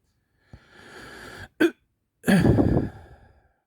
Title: hiccups again